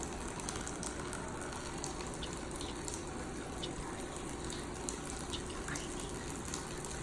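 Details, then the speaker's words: Level 1 rapid infuser switched from gravity flow to pressurised rapid infusion: steady gushing, rushing fluid sound as pressure builds and fluid is delivered rapidly. "when you're ready up here this minus sign switch at the plus that turns it on the pressure is going to build and as you can see now we have rapid if you"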